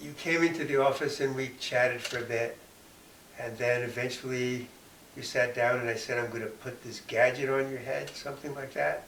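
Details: Adult male speaker; typical speech.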